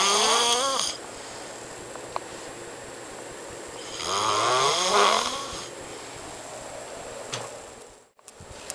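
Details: Friend snoring loudly while asleep: two loud, rattling, buzzy snores on breathing in, about four seconds apart, with quiet between them.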